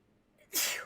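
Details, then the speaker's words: Sneezing repeatedly; wonders whether it is an allergy or a cold coming on. A quick indrawn breath, then one sharp, hissing sneeze burst. "Oh my god, I'm going to sneeze. Oh, wait, hold on. I think I'm getting a cold."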